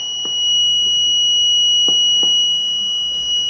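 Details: Loud, steady high-pitched alarm from a homemade open-circuit alarm system going off when a home ventilator is shut down during testing; ventilator failure alarm.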